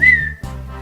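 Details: Adult with Tourette syndrome talking to camera, with other tics (squeaks, "huh"): a brief, sudden whistle with a short voiced "huh" sound; simple vocal tic (whistle) in Tourette syndrome.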